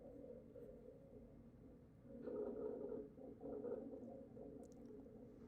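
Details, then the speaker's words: Rhonchi: low-pitched, continuous, moaning musical sounds during breathing, almost like a whale sound. "So, low pitch continuous sounds. Low pitch continuous sounds. We'll hear it again. Almost sounds like a whale."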